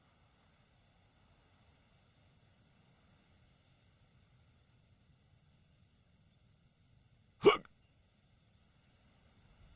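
A single sharp hiccup in near silence. Acted hiccup from a film scene.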